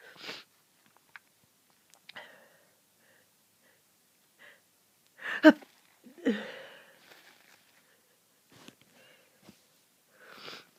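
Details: Rapid sneezing fit during a bad cold, after days stuck in bed: several sharp, explosive sneezes in quick succession, with quieter sniffs and breaths between; sneezing.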